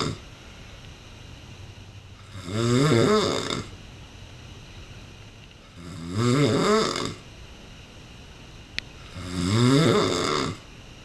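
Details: Man sleeping: three loud, vibrating snores on the in-breath about every four seconds, roughly 17 breaths a minute, quiet between; snoring.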